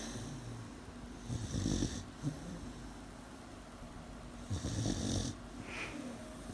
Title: Aida Coronita / Sweet Dog Snoring / 18 Weeks Old